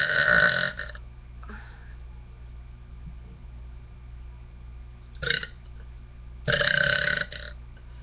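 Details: An adult who has been sick with allergies gives three loud voluntary belches, two long and one brief, separated by a quiet room hum.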